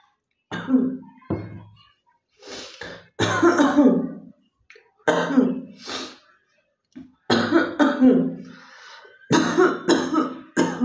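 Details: Deliberate cough for a cough-and-spit challenge: several loud, harsh, wet-sounding coughs and throat clearing in a quiet room, with short pauses between bursts.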